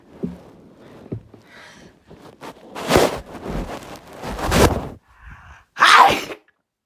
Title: Big sneezes